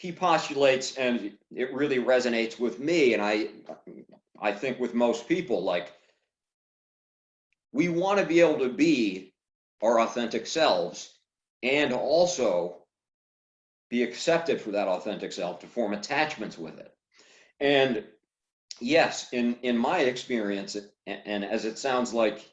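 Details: Adult man who stutters; stuttering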